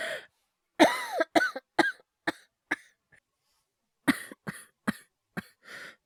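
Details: Acted coughing by an adult male voice actor: two runs of about ten sharp, harsh cough bursts, the first with a strained voiced onset, separated by a brief pause.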